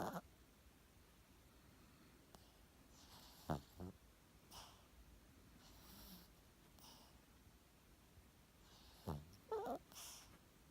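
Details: Chubby chihuahua snoring while asleep.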